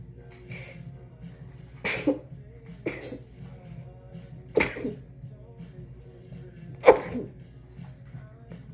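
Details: Run of about five muffled, stifled sneezes, each a sharp burst, after a shower, induced by tickling the nose with a wet strand of hair and muffled with a towel; faint background music; sneezing fit.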